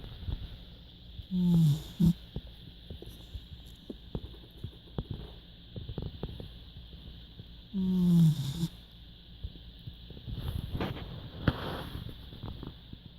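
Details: Pig snoring while asleep: two loud, low, rumbling grunting snores about six seconds apart over a steady hum; snoring.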